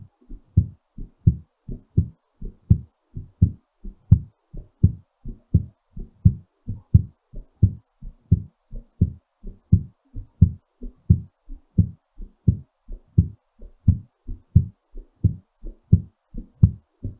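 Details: Regular, crisp two-part heartbeat at roughly 87 beats a minute during recovery; normal heartbeat after exercise.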